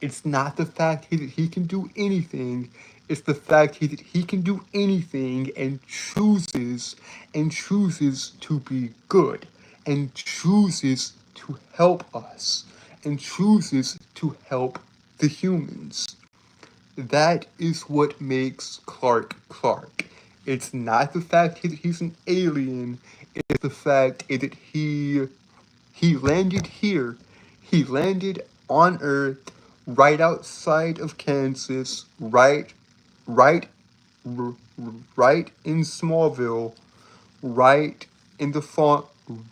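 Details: Male streamer with a self-described speech impediment causing stuttering and tripping over words; phrases repeated over and over.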